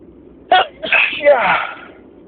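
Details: Spring allergy sneezing fit: a loud, voiced sneeze burst with a drawn-out vocal tail, part of a very long sneezing attack.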